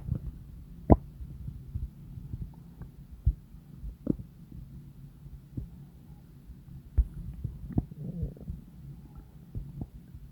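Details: Low gurgling stomach rumbles with scattered clicks and pops, real digestive bowel sounds.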